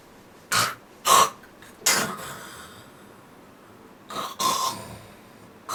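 Several short, harsh coughs and throat-clearing bursts in two groups, about five in all, in a quiet room.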